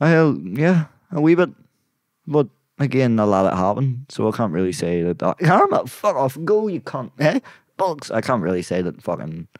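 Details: Adult man with Tourette's and a brain disorder, with involuntary vocal tics including swearing outbursts while talking; vocal tics with coprolalia.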